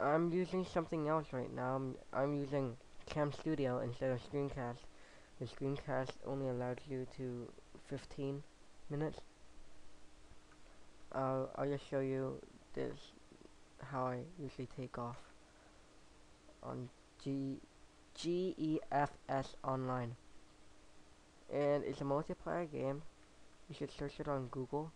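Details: Speaker with a lisp he says is audible and that he has had since fifth grade: lisp.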